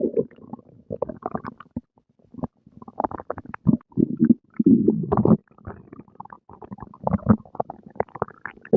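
Irregular gurgling and growling bursts with brief quiet gaps: ordinary stomach rumbling after a meal, normal bowel activity.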